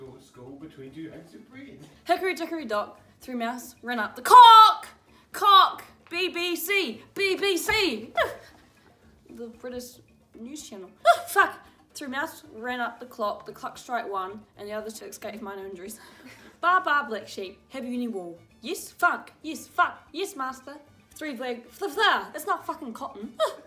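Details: Teenager with Tourette syndrome reading aloud, interrupted by involuntary vocal tics including swearing and inserted words and phrases.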